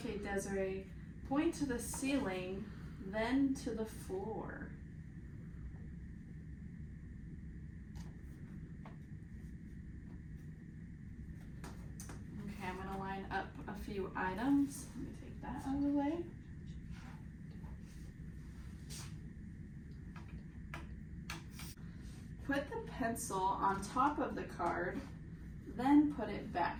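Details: Adult woman (examiner); normal speech.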